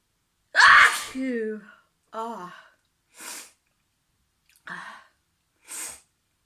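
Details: Interrupted sneezing: a loud voiced sneeze followed by several smaller sneezes and breathy catches, six bursts in total.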